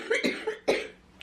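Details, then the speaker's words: Two short, wet-sounding coughs in quick succession from an adult woman with cystic fibrosis coughing up pure blood over many coughs; haemoptysis. "So the fact that it's like pure blood for many coughs, it means it's bleeding."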